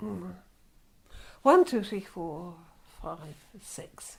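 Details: Mother with post-stroke aphasia, counting aloud while trying to give her age.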